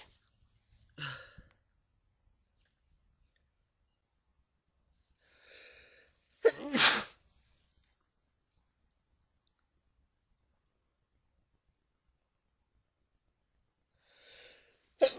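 Brief hissing breaths and one sharp, forceful sneeze, muffled somewhat as if into a tissue; a plain sneeze.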